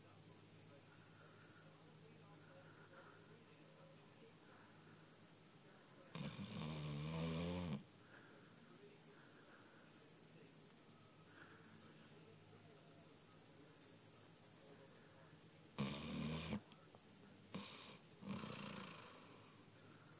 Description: My dog snoring, I miss him